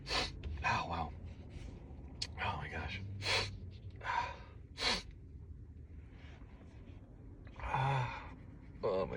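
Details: Person sneezing repeatedly, unable to stop, while sitting: repeated sharp gasping intakes and short sneeze bursts, several in a row, in a quiet room.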